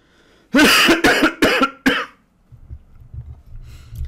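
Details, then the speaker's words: Man who says he has been coughing for days and nights and is tired: a fit of four harsh, loud coughs in quick succession, then quiet room noise. "bon désolé ça fait de jours que ça fait de nuits que je fais que tousser je je suis fatigué"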